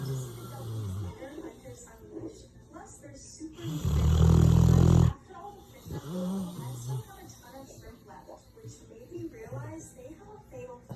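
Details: Dog snoring during sleep: one loud, deep, rumbling snore with faint softer breaths and background noise; heavy snoring.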